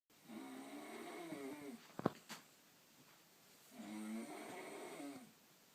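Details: A girl snores very loudly at night: two long, rattling snores on the in-breath with a quiet pause and a brief sharp knock between; ordinary snoring.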